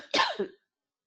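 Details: An adult having a coughing fit in the background gives a brief cough of two quick bursts, the second softer, heard at a distance from the microphone.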